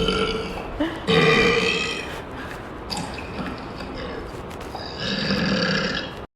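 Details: Long, loud, rumbling belches outdoors at the beach with background noise; repeated burping.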